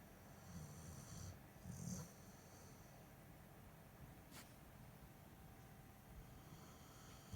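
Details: Sleeping dog: two soft, low rumbling snores on breaths in, then quiet breathing with faint room noise; ordinary dog snoring.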